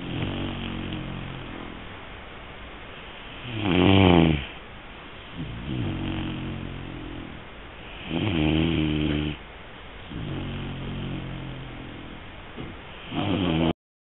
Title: snoring 3 months old great dane 3ヶ月のグレートデンのいびき